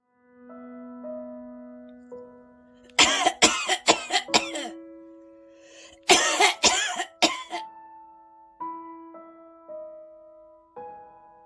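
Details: Two bouts of harsh, rapid coughing from a nasty cough and cold, over soft piano music; cough.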